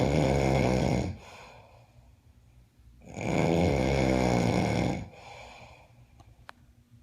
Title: The snoring roommate